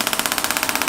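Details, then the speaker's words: Radial pressure wave therapy handpiece (air compressor with pulse generator) applied to a trigger point in a patient with plantar fasciitis, at 2.5 bar: rapid regular mechanical tapping, about 15 pulses a second. "I could just work right into the trigger point which again will sound like this"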